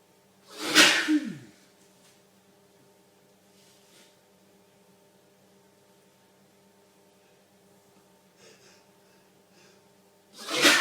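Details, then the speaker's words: Adult male sneezing helplessly in a sneezing fit, with watering eyes and a streaming nose: two forceful sneezes, one at the start and one at the end, with quiet room noise between. "This is a sneezing explosion. Not done."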